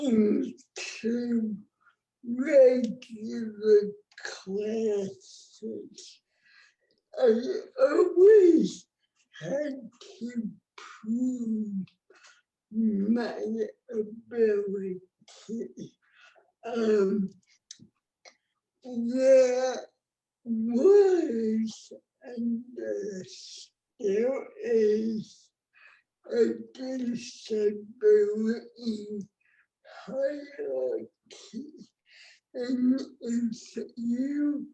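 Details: Adult woman with cerebral palsy, present from birth (born before the ADA); dysarthria, though the speech disorder is not explicitly named.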